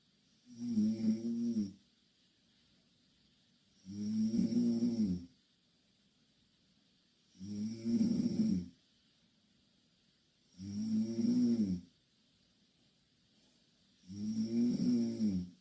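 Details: Loud snoring from two Korean girls sleeping in the same bed: rhythmic rattling, fluttering snores on each in-breath, about 18 breaths a minute, separated by quiet out-breaths.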